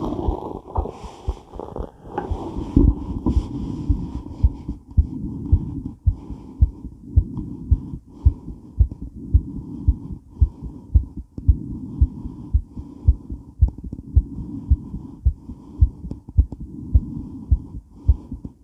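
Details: Female heart recorded during and after weight training while moving: fast, pounding heartbeat near 110 a minute with movement and heavy breathing noise; tachycardia after exercise.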